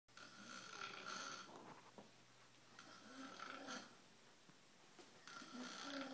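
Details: Person passed out asleep, snoring heavily: loud, rasping snores on the in-breath, three in about six seconds, with quiet pauses between.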